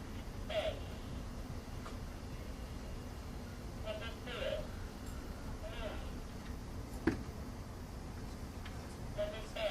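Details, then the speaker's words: Simulated high-frequency hearing loss: a speaker says five words, heard as muffled, filtered speech. "I've got the demo of what it sounds like to have a high frequency hearing loss and so this person's gonna say five five words"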